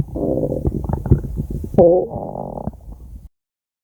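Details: Stomach growl: loud gurgling, rumbling growl of about three seconds with bubbling pulses and a rising squeal, ordinary bowel sounds (borborygmi).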